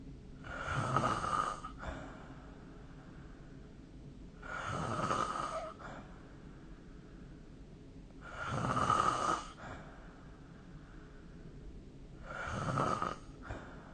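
Four steady, rasping snores about 16 per minute over faint room noise.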